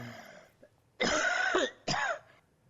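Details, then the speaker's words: Barking cough from viral infection of the larynx near the vocal cords, typical of laryngitis: two harsh, loud coughs with a hoarse, honking, dog-like quality. "기침 하나만 본다면 일단 특징적인 것이 후두, 그 성대 근처에 바이러스 감염이 있으면 우리 개 짖는 소리 같은 컹컹거리는 기침을 하게 됩니다."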